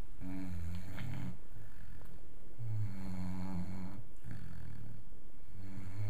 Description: Max my wire-haired vizsla pup (5 months) snores for England keeping us all awake.